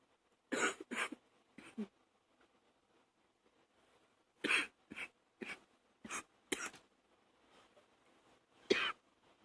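Clusters of short, harsh coughs, about nine in all, separated by quiet pauses: a bout of morning coughing.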